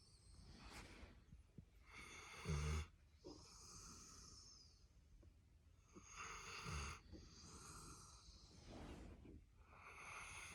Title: snoring , cuddling with my labrador retriever